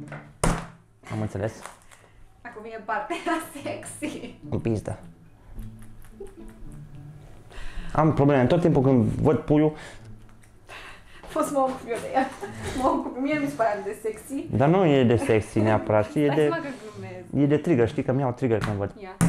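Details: Man with Tourette syndrome speaking Romanian while cooking; repeated obscene vocal tics in his speech; Tourette syndrome vocal tics (coprolalia).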